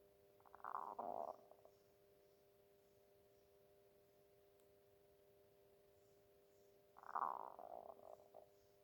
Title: stomach growling